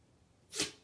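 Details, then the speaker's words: Yorkie dog with suspected allergies and itching, sneezing repeatedly: a single sharp, hissing sneeze. "you got the allergies god bless you god bless you you got the allergies goodness sake you looking at the light it will help you sneeze are you done are the allergies over is that all gone"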